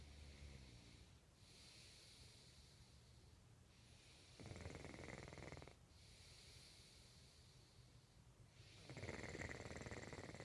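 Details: Snoring recorded in 2014: two rough, rattling breath noises about four seconds apart over steady room hiss.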